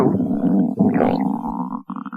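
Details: Low gurgling, rumbling stomach sounds with a brief gap and a final bubbly burst: stomach growling (borborygmi).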